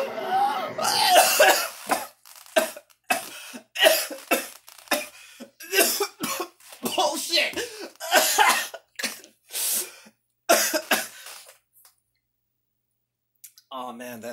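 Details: Man playing God of War 2 has a coughing fit: a run of harsh, repeated coughs and throat-clearing bursts, then a pause and faint music.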